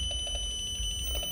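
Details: Maestros portable biphasic defibrillator with ECG and printer, being charged and discharged in a demonstration: a steady high electronic tone with soft pulsing underneath, over a low hum; defibrillator charge/discharge alert.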